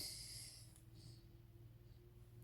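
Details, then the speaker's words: Repeated spraying of strong alcohol-based fragrance near the nose makes it start to drip: a single sharp, hissing sniff through the runny, irritated nose, then quiet. "Oh, can you hear my nose is >> [snorts] >> starting to drip a little bit."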